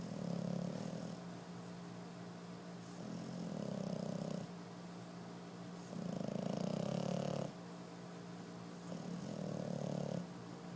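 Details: Snoring at 5 months old during sleep: loud, rattling snores with each slow breath, about 20 a minute.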